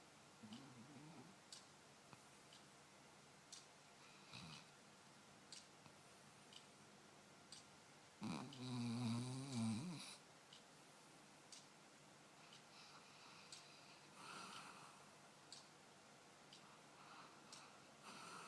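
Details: Snoring during sleep while dreaming: soft breathing noises with faint clicks and one rough, vibrating snore of about two seconds in a quiet room.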